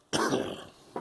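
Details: A girl coughing: a single sharp cough with a sudden burst that fades in under a second.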